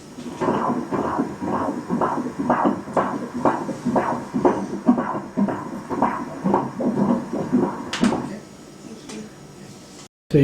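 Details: Rapid, regular whooshing pulses, roughly 120–140 a minute: fetal heartbeat on Doppler ultrasound during a pregnancy growth scan, baby in head-down cephalic position.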